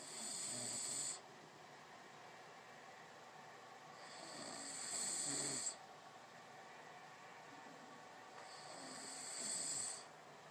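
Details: Three loud rattling snores on the in-breath, about 14 breaths a minute, with quiet out-breaths between; snoring.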